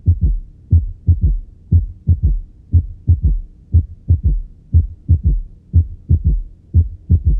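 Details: Third heart sound (S3): a soft, low-intensity extra sound in early diastole just after S2, with a regular heartbeat near 60 a minute; best heard in the left lateral decubitus position with the stethoscope bell over the apex.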